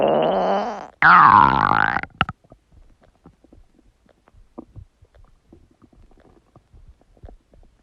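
A long, loud, groaning stomach gurgle sweeping in pitch, then faint scattered bubbling: ordinary stomach rumbling.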